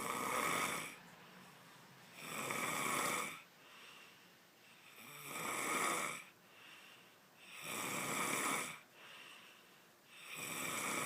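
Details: Loud snoring keeping a listener awake, with sleep talking mentioned: steady rhythmic snoring about 23 breaths a minute, each a hoarse rasping inhale followed by a softer exhale.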